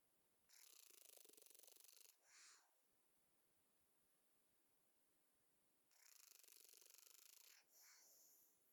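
Two soft, hissing, fluttering breaths about five seconds apart, each ending in a short puff: light snoring.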